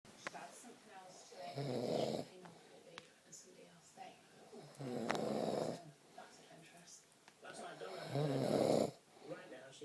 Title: My snoring drives my girlfriend crazeeeee